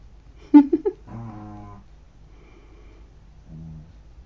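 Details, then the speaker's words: Sleeping pet snoring loudly: low, rough, buzzing snores on its breaths with a few short snorts; ordinary snoring. "Can you hear Pep snoring his head off?"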